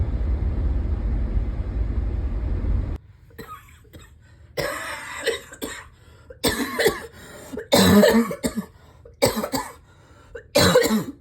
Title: #7 - this cough is still so bad